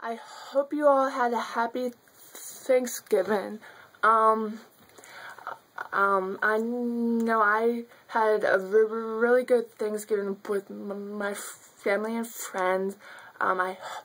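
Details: Stuttering in an adult woman who has stuttered since childhood.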